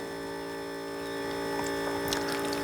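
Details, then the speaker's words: Automatic blood pressure monitor cuff inflation: a steady electric pump motor hum with a fixed whine as the cuff inflates to about 180–200 before stopping and deflating. "it's going to pump till 180 more or less, and then it's going to stop and then deflate the pipe, the pressure system,"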